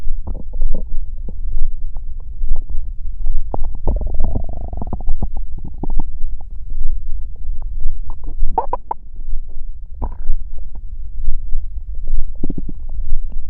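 Low gurgling and rumbling with bubbly pops from the belly; ordinary bowel sounds of stomach growling.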